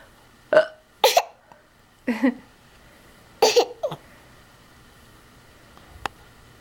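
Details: About five abrupt, short vocal jolts at uneven intervals, some with a brief throaty tail; hiccups.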